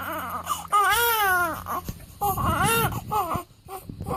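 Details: Crying of a 7-day-old newborn baby boy during a weigh-in: loud, wailing cry in bursts with rising and falling pitch and brief gasping breaths between; ordinary newborn crying.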